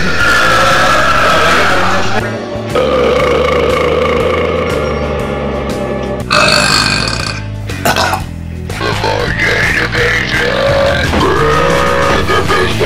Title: 45 Segundos de Eructos 3 / 45 Second of Burps 3